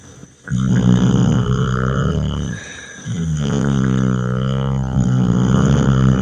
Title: BORING WALKING VIDEOS "Dahmer Snores"